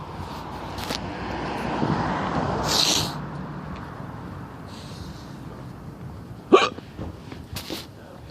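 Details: Hiccups (singultus) in a person who asks how to cure them.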